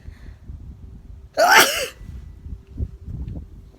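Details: Single loud, explosive sneeze during a mother-and-daughter sneeze challenge, with quiet room noise and faint voices; sneeze.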